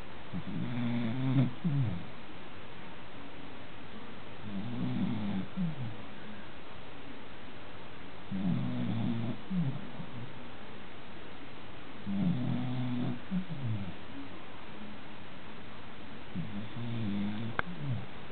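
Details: American cocker spaniel snoring during an afternoon nap: low rumbling snores about every 3.5 seconds, roughly 17 breaths a minute.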